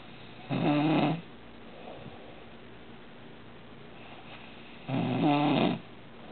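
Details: Adult man (roommate) napping at 4 pm: two loud, rough, vibrating snores about four seconds apart, with quiet breathing between; ordinary snoring during sleep.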